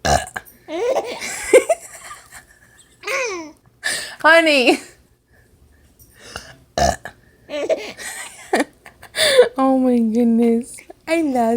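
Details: Short throaty belches mixed with a 3-month-old infant's laughter (first time laughing) and adult voices in a room; burping.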